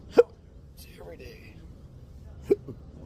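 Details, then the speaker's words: Adult with intractable, debilitating persistent hiccups: two sharp, abrupt hiccups about two seconds apart with a faint voiced catch between; hiccups. "an Uber driver yesterday, I think, offered me water when I hiccuping his water. That was really nice. People think that offering water will help."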